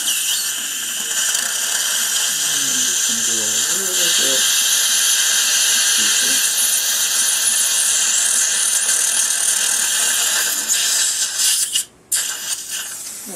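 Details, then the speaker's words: Live dental implant surgery, CT-planned: a 2.2 drill is taken deeper toward the 15 mm line with little or no bleeding, checked by radiograph. Continuous high drill whine with suction hiss and faint voices. Dental implant drill. "So we're going to go a little bit deeper with our 2.2 drill, and you can see there's very little or no bleeding."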